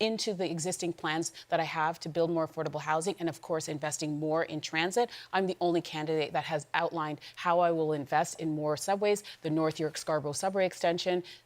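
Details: Adult woman speaking; Normal voice.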